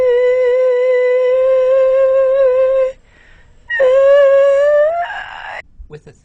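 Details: Vocal nodule on the left vocal cord on a broad base with ectatic capillaries from repeated vocal trauma, touching the other cord during a rising-pitch manoeuvre: vocal nodule with voice breaks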